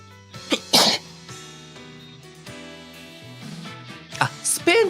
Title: [Holostars] morning sneezes